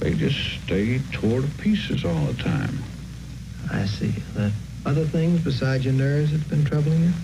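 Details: Adult male voices, interview; normal speech.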